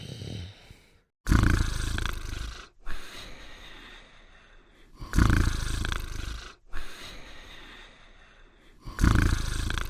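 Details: Simulated cartoon dog snoring sound effect: loud, rumbling snores repeating about 16 times a minute with quiet pauses between them.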